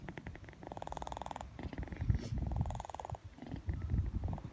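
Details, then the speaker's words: Tyoma, a sleeping cat, snoring. Rapid, buzzing, rattling breaths resembling a purr, with short pauses between. "Слышите, как он храпит? Как это?"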